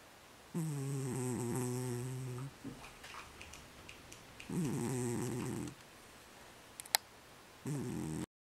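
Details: Sleeping pet in REM sleep, possibly dreaming: loud rattling snores on inhaling, three in about eight seconds, with quieter breathing in between; snoring.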